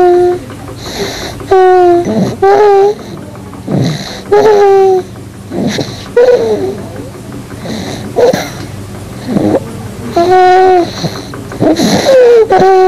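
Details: Sleeping 8-month-old infant of average weight and height in a hospital bed, no oxygen attached, with continuous harsh, high-pitched crowing stridor on inspiration and expiration, loudest on breathing in, from laryngomalacia.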